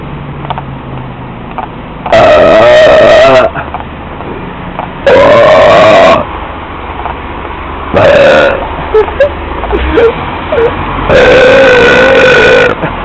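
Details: Person outdoors with four loud, drawn-out belches over about thirteen seconds and street noise between them; repeated burping.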